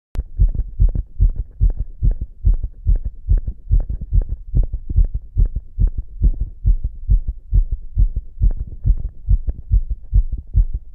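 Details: Self-auscultation with two stethoscopes on the chest after inhaling poppers: a rapid, regular heartbeat at about 140 beats a minute (tachycardia).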